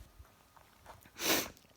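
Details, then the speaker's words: Adult sneezing indoors despite an air cleaner, cause unknown, possibly tiredness: a few faint sniffs, then one sudden sharp burst of air through the nose. "oh dude back inside again and the sneezy snap and the sneezing it started again but i have an air cleaner so i have no idea why i'm sneezing maybe because i'm tired"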